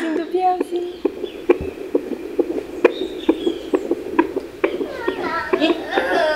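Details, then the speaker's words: Quick regular pulsing at about 133 a minute, a normal fetal heart rate, heard at home with a Doppler among friends at an afternoon tea; fetal heartbeat. "gente viram que a gente tava ouvindo o coraçãozinho do"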